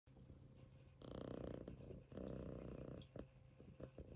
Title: Kitten snoring on my stomach 飼い主のお腹の上でいびきをかいて寝る猫【Munchkin cat kucing 長足マンチカン】